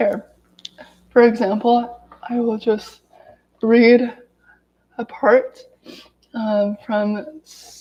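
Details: Adult woman who has stuttered daily her whole life, reading aloud from a self-therapy book to demonstrate her stutter; stuttering.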